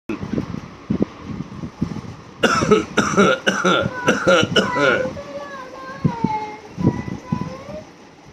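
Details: Infant copying his father's coughing: about six quick, voiced cough-like bursts, then high gliding babble, preceded by the father's lower, softer real coughs.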